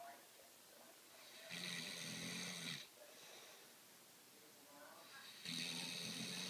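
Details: 19-year-old with autism in deep sleep: two loud, rattling snores on the in-breath with quiet exhalation between; ordinary snoring.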